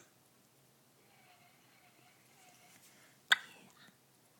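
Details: Infant hiccups recorded December 2010: quiet room with soft infant sounds, then one sharp, abrupt catch-like sound, a single hiccup.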